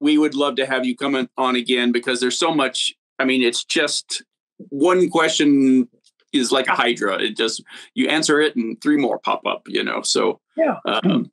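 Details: Adult man speaking; ordinary speech.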